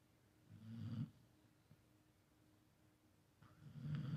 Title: That's her snoring!